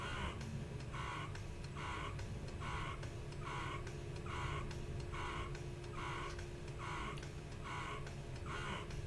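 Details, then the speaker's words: Lacevo S70 wearable breast pump on the milk stimulation/expression mode, quick with long pull, at level 12: regular mechanical suction pulses about 72 a minute, longer but not excessively long pull. "There we go. There's the longer pull. And even though it's longer, it's still not like an excessively long pull, even at 12."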